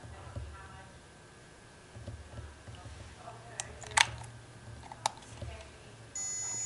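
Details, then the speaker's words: MicroCO breath carbon monoxide monitor switched on by pushing the front switch up to the first position, then counting down from 20: handling noise, a couple of short sharp beeps, then a steady tone. "this little switch we're gonna push in the upward direction and I'm gonna push it up to the first position and the unit will turn on"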